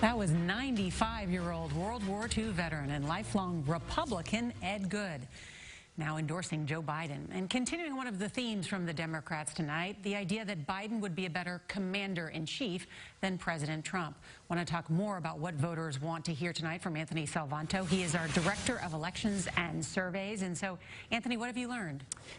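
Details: Adult female news presenter; normal speech.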